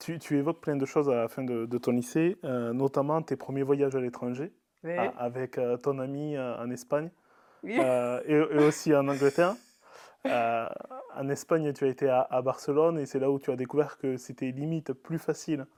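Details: Adult speaker (podcast host); typical speech.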